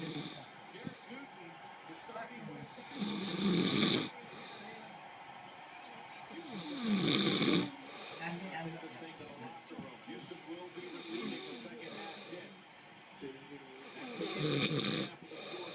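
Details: Father snoring during sleep: loud rasping snores on each inhalation, about 16 a minute, with a televised NFL football broadcast in the background; ordinary snoring.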